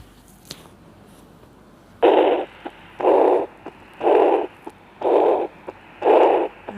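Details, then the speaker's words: Regurgitant heart murmur, aortic or mitral regurgitation, heard on cardiac auscultation: regular whooshing gushes about once a second. "jadi seperti anda semburan gede atau namanya regurgitasi atau Artha maupun Mitra"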